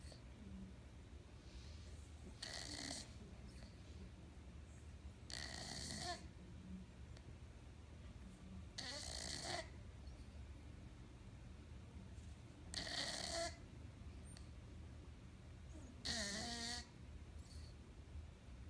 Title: Cookie is snoring😁😁